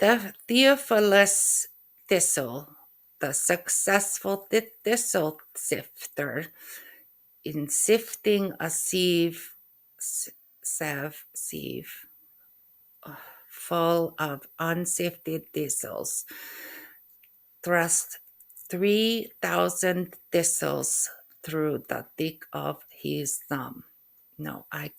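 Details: Adult woman with post-stroke aphasia, who also reports functional neurological disorder (FND), attempting a tongue twister with errors; aphasia.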